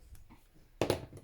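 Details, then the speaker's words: After near silence, a sudden short burst of one or two coughs from an adult man (husband) in the background: cough. "can hear hubby coughing, can't you? Sorry."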